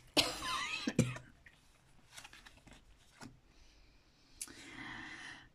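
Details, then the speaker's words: Adult woman with a hoarse voice, still coughing a little after being ill the previous week: cough. "Alors je suis désolée, j'ai la voix un peu cassée, je tousse encore un peu, j'étais malade la semaine dernière."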